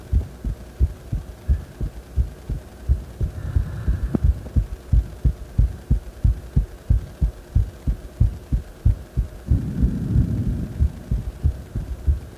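Regular, strong heartbeats at about 90 a minute with faint low rushing in between: a quick heart rate after exercise, a normal response.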